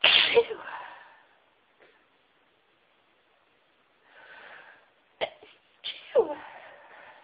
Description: This wav has a variety of sneezes, high pitched, normal, stifles, half stifles, high pitched stifles, sneezing into tissues and some talking